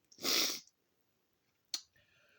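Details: Single loud, explosive sneeze followed by a brief sharp sniff, during one of the speaker's histamine (allergic) attacks; sneezing.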